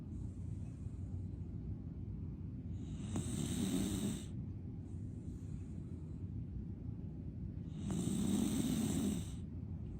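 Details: Sleeping dog breathing about 12 times a minute, with rough, rumbling snores on two breaths and softer airy breaths in between: snoring.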